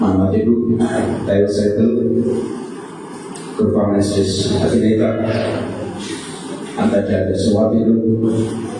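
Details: Adult man speaking; normal voice.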